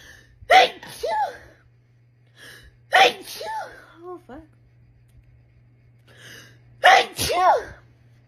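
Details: Three sharp sneezes in rapid succession, each with a quick inhaled lead-in and explosive release, brief vocal sounds between; part of a rapid sneezing compilation.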